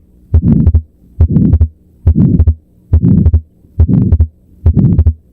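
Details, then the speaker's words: At the left upper sternal border, a regular heartbeat about 70 a minute with a widely split S2 that stays fixed through inspiration and expiration: fixed split S2 of atrial septal defect. "S2 is widely split and it stays split during inspiration and expiration. It doesn't budge, not even a little."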